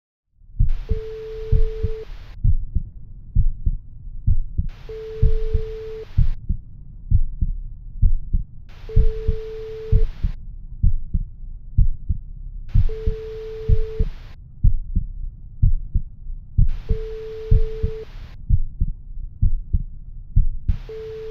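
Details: Normal resting human heart sounds recorded with a homemade stethoscope microphone: a steady, regular beat at about 64 a minute, with sample bleeps and bursts of hiss added.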